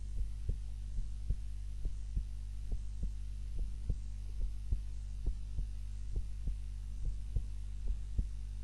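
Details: Normal resting heart sounds recorded on a timer during a nap, lying on the back (supine, unlike the usual prone position); soft, regular low thumps under a steady hum.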